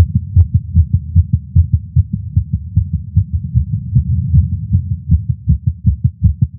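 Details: Male's own heartbeat recorded with a Stemoscope digital stethoscope while smoking a cigar after not smoking for a while, feeling lightheaded: rapid, regular beats about 150 per minute; nicotine-related tachycardia.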